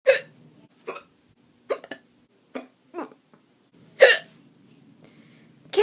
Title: Hiccups!! (Some are in slow motion)